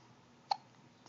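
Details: A single sharp, abrupt hiccup in a quiet room, with a faint second one at the end; hiccups.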